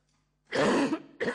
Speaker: Scusate, ma ho la tosse. Si vede e si sente.